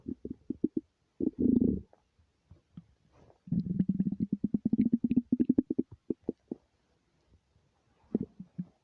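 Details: Empty stomach rumbling, recorded without a microphone: rapid bubbling and gurgling rumbles in bursts, with a long low growl in the middle.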